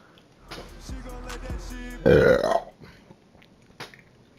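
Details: Loud, throaty belch bursting out over faint background music; a burp.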